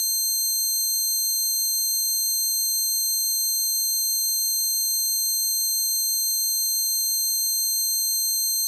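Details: Constant high-pitched ringing of layered tones with a faint wavering pulse; self-made simulation of the person's own tinnitus, acquired after standing by the amp at a concert.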